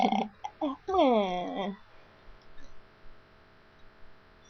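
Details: Fake, imitated burping: a few short voiced belches, then one long croaking burp with falling pitch.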